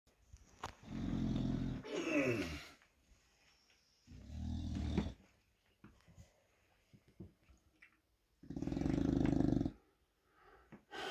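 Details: English Bulldog asleep with eyes open, snoring: loud, rough, rattling snores in long bursts with quiet pauses between, typical of a flat-faced dog's noisy sleep breathing.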